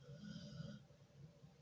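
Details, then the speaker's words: Low rumbling snore with a fluttering quality, one drawn-out breath, from a sleeping dog lying on the sofa, heard in the background while someone talks. "it's all right, if you can hear the snoring, it's my beautiful little room, she's on the sofa snoring."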